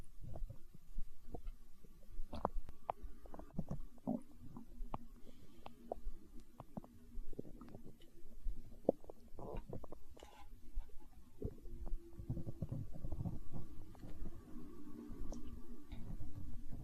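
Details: Stomach growling in hunger, tagged as empty-stomach sounds in an ASMR recording: continuous low rumbling and gurgling with bubbling pops, ordinary borborygmi from gas and fluid moving through the gut.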